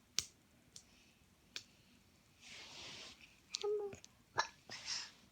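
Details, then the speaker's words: Young child (Nora) with hiccups, recorded by her mother while talking in bed: several sharp, brief clicking catches with soft breathy sounds between; hiccups. "what are you doing I'm recording what you sound like when you hiccup"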